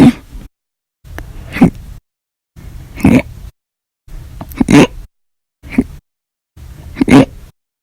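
Six short, abrupt gulping hiccup sounds about a second apart, each with a sharp catch of the throat.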